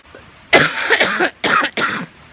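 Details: A run of three or four harsh, rough, chesty coughs from an adult with pneumonia and asthma, using an inhaler.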